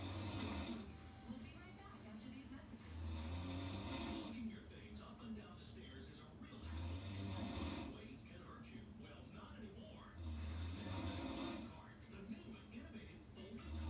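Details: Loud, regular rasping snores, about four in 14 seconds, with quieter breaths between; television or talk faintly in the background; snoring.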